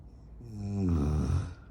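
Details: Husband filmed while sleeping, keeping his wife awake: a single low, rattling inward snore swelling and fading over about a second; snoring.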